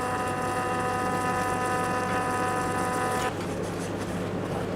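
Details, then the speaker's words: Laser machine giving a steady fixed-tone electric buzz that stops abruptly while a raised skin lesion is removed at a laser tattoo-removal clinic, then room noise. "Already কিন্তু কাজ শুরু হয়ে গেছে laser মেশিনের মাধ্যমে কাজ হচ্ছে সম্পূর্ণ লেজার"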